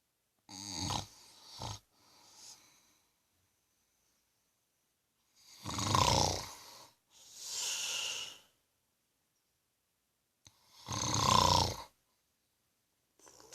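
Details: Father snoring during sleep: rough, vibrating snores on the breaths, separated by silent pauses; throat-vibration snoring.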